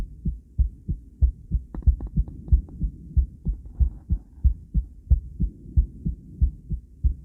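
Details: Normal adult female heartbeat on ultrasound with sound, a first attempt at the new view: steady, regular low thumping at about 92 beats a minute, with brief clicking noise at the start.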